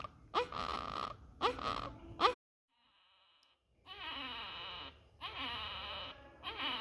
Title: 👶Baby with GRUNTING(Expiratory Wheeze Sound in baby under Respiratory distress)🔈🔉🔊